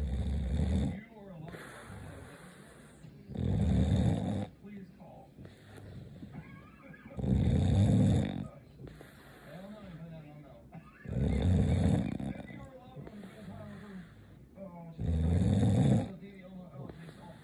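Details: Woman snoring like a diesel motor: deep, loud, rattling snores about every 4 seconds, roughly 15 a minute, with a low rumble on each breath.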